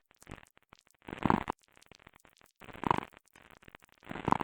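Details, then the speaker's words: Lung sounds: clusters of short popping clicks recur in bursts with each breath, discontinuous crackles indicating a respiratory abnormality. "でももし呼吸器に異常があると、こんな混ざった音がすることがあります。プツプツと聞こえるのは断続性ラ音と呼ばれる異常音の一種です。"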